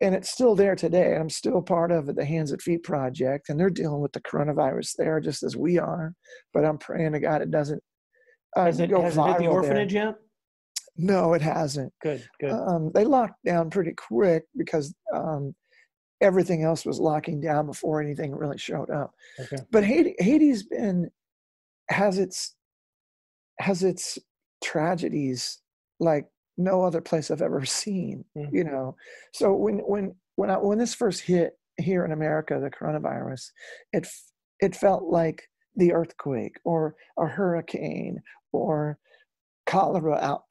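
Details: Adult male former rock lead singer whose spasmodic dysphonia began at his career peak, first taken for hoarseness; incurable, doctors could not fix it, still audible today; spasmodic dysphonia.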